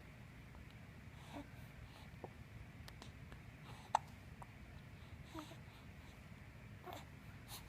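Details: Hiccups in a quiet room: a few brief, sharp catches spaced a second or more apart, with someone asking the person to talk.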